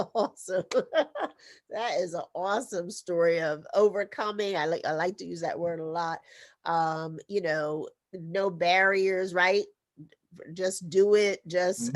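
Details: Adult speaker, podcast host; typical speech.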